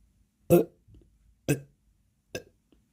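Three deep, throaty burps in a quiet room, each a short low rumbling release of swallowed gas.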